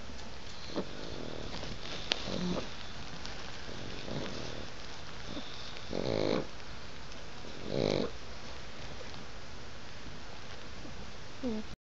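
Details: Pug snoring loudly enough to wake herself: irregular snorting snores from a flat-faced dog, with a few louder rough snorts among quieter breaths.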